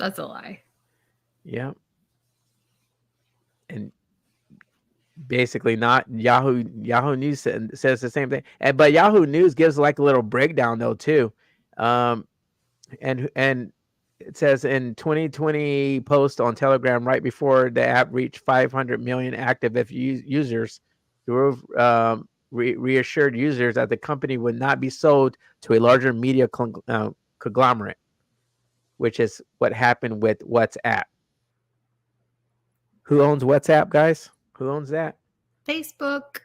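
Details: Adult male host with a self-reported stutter that was very noticeable in his earlier videos and worsens with unfamiliar people or situations; stuttering.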